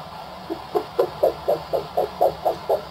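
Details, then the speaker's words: Doppler arterial pulse in a cat, with the probe placed near the carpal pad: regular pulsing whooshes at about 120 a minute return as the cuff deflates; the first returning flow marks systolic blood pressure. "where you first hear the blood flow again is systolic blood pressure."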